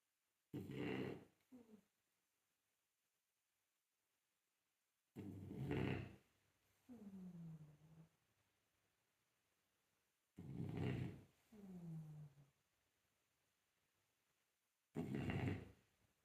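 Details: Sleeping French Bulldog snoring: rough, irregular snorting snores, each followed by a softer falling whine, with quiet pauses between breaths.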